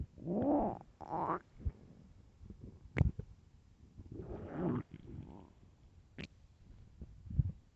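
Low gurgling growls and drawn-out groans with a few sharp clicks: hunger stomach growling, a normal bowel sound.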